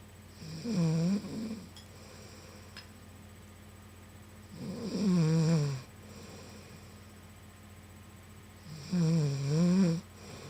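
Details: Woman sleeping, snoring really loud: three loud, rumbling snores on the in-breath, roughly 14 a minute, with quiet pauses and a faint steady room hum.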